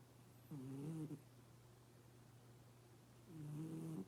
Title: Cats actually snore?